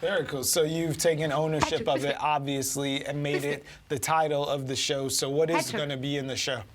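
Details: Adult speaker, interview; normal fluent speech.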